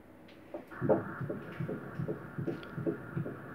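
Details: Rapid, steady whooshing pulses of an unborn baby's heartbeat, about 150 beats a minute, over a Doppler hiss. Fetal heartbeat.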